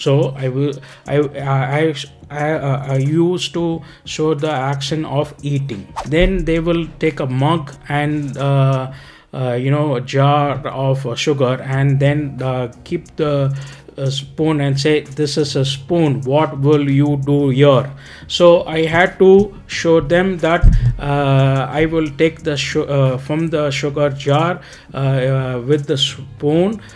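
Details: Adult man, ischemic stroke in 2018, speech lost 4–6 weeks; initially diagnosed 10% aphasia, 90% apraxia of speech with loss of tongue muscle memory; speech regained over about 5 years, still slower than before: apraxia of speech (recovering).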